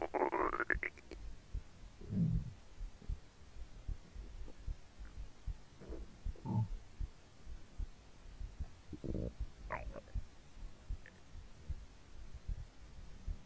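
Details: Hungry stomach growling: low gurgling rumbles and squeaky bubbling bursts from the belly, normal bowel sounds (borborygmi).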